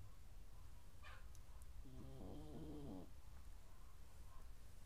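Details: Dog snoring: a single buzzing, rattling snore over a steady, low background rumble.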